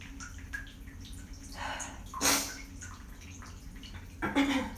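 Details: Adult sneezing after holding back while very stuffed up, seeking steam: two forceful, spraying sneezes over running water in a small echoing room.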